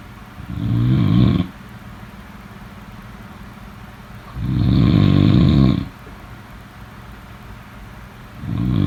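Loud, low rumbling snores on each in-breath, about 15 breaths a minute, with quiet pauses between.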